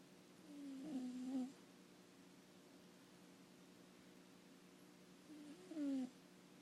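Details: Gentle snoring: two soft, whistly breath sounds about five seconds apart over a steady low hum.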